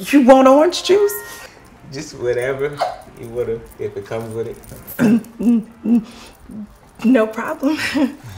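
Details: Adult woman speaking; ordinary speech.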